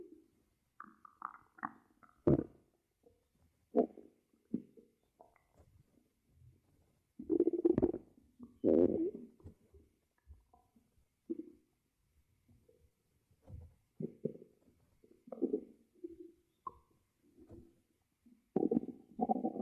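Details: Gurgling, bubbling stomach rumbles in irregular bursts with quiet gaps, recorded for ASMR while monitoring the belly; normal bowel sounds (borborygmi).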